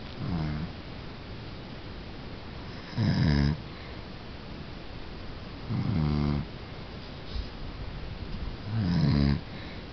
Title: snoring...